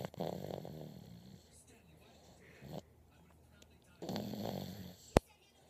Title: Babygirl was in that deep sleep snoring